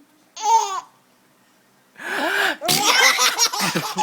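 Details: Adult's imitated sneeze, a single sneeze-like burst, then babies' gasping, giggling laughter; a fake sneeze, not a true one.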